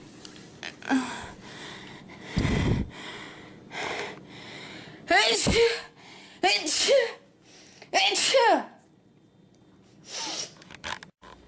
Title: Cute Girl Sneezing 7